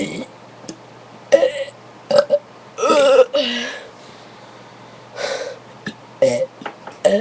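Several loud, voiced belches, one long and drawn out, with short pauses between; repeated burping.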